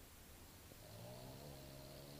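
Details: Snoring during sleep, heard most nights: a steady, low, buzzing snore against continuous background noise.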